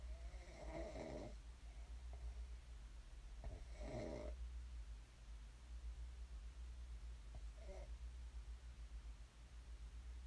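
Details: Snoring ASMR recorded during sleep, where the sleeper snored and then woke up: two rough snores, then a fainter third, over a steady low room hum.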